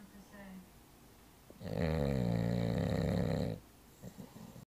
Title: Bruiser The Bulldog Snoring